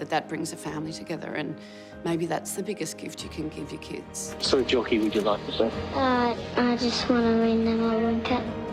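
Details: Adult woman speaking; normal speech.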